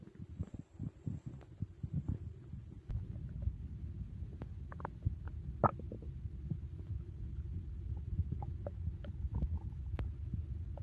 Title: Stomach Growling After a Big Meal 🍕 | Loud Digestion Sounds